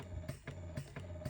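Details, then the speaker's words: Limerick Joy electric breast pump in use, switched to cycle 5 for the medium suction setting (vacuum 20–21): low motor hum with quick rhythmic suction pulses, about three a second. "So if I switch that on, we are going to increase that cycle. And see it's much faster now to 5."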